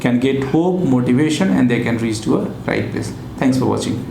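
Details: Adult male speaker; Normal adult male voice.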